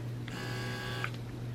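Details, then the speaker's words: Steady low motor hum with a faint higher whine and a couple of soft clicks: an S12 hands-free wearable electric breast pump, fully charged, running at suction level 5, louder than level 1. "viene el motor y creo que viene cargado pueden escuchar eso está en el ser y número uno y viene cargada al máximo y así se escuchan no se escucha tanto este es el número 5 ya se escucha un poquitín más"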